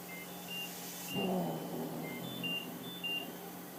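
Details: Mechanical insufflation-exsufflation (cough assist) device used for a patient with ALS, together with suctioning of phlegm: steady machine hum, repeated electronic beeps and a brief rush of air.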